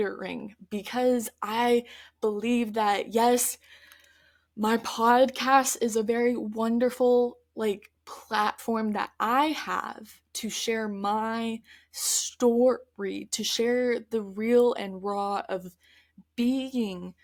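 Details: Stuttering in an adult woman who stutters, heard in her real, spontaneous conversational speech.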